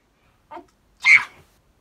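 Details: A faint short inhale followed by one sharp, hissy burst: a single sneeze.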